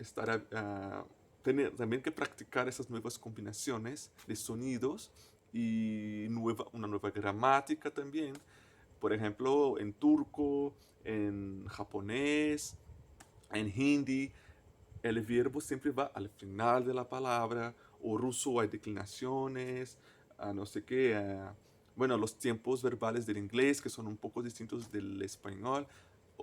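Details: Adult man who stutters, a native Portuguese speaker speaking Spanish as a foreign language: stuttering.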